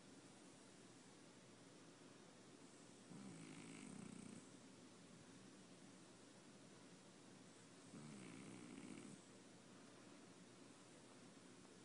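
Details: Two soft, rough snoring breaths about five seconds apart over steady background hiss; a cat's quiet sleep snore.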